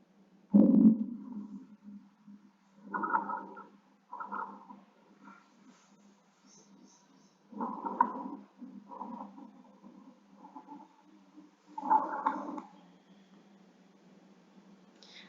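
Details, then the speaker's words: Bronchiectasis, stethoscope auscultation of chest: repeated bursts of bubbly, rattling crackles over a low steady hum. "Auscultation பண்ணி பார்க்கும்போது there will be presence of sounds like crackles and wheezing. So this sound we'll hear."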